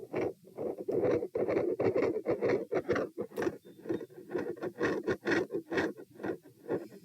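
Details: Stethoscope heart auscultation at position P during a stress test (standing, knee bends, deep breaths, sitting, lying; rates 126-138 then 96 bpm); fast, regular, loud beats near 130/min with scratchy contact noise, deep breaths not slowing rate; elevated heart rate.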